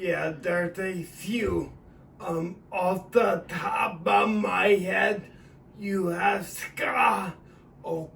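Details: Adult man with acquired cerebellar ataxia of sudden onset about three years earlier after a seizure and a stroke; about four weeks after umbilical-cord stem cell injection into the spine, which he says has eased word production; ataxic dysarthria.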